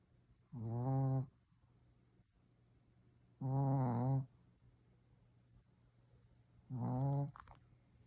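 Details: Shih Tzu snoring: three loud, low, rattling snores at about 20 per minute, quiet room noise between; snoring.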